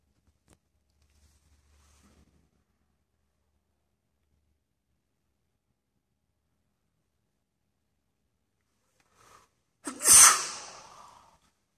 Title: 打噴嚏 sneeze in school